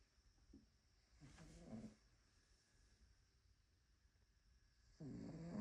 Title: Cat snoring #Albert #funnycats